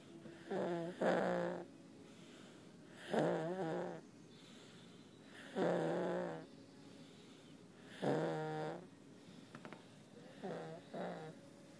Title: snoring like daddy